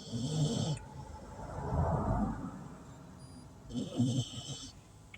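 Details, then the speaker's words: Loud, rough, rumbling snores from a sleeping female bulldog after a rough day, about three in five seconds, with faint high-pitched tones in the background. "someone said when your bullies snore like that it's because they're living a good life"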